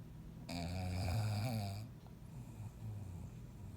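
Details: Older brother snoring in sleep: a single loud, low, rattling snore on the in-breath, then quieter breathing; he snores and gasps for air all night, keeping others awake; snoring.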